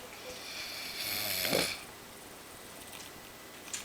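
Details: Brother asleep on the couch snoring loudly: a single harsh, whistling snore lasting about a second, then quiet room noise.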